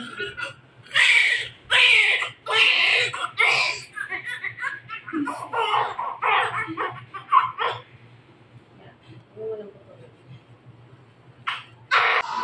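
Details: Baby girl at birth after normal vaginal delivery with a midwife (ultrasound at 7 months had said boy): loud, high-pitched bursts of crying with brief pauses and quieter voices behind; a normal newborn first cry.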